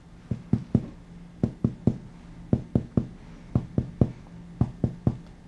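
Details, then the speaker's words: Supine patient, fourth intercostal space: finger percussion from the anterior axillary line inward, with groups of taps shifting from resonant lung to dull cardiac note marking the left heart border; lung resonance changing to cardiac dullness. "begin percussing from about the anterior axillary line and move immediately to here resonance of the lung change to dullness"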